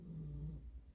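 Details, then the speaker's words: A brief low, rumbling single snore, under half a second, from a sleeping female pet dog in the background of a room: snoring. "sorry if you can hear my dog snoring in the back she's sleeping"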